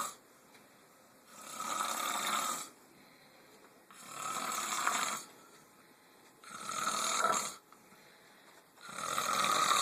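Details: Four loud, rasping snoring breaths, about 25 a minute, separated by quiet gaps; snoring.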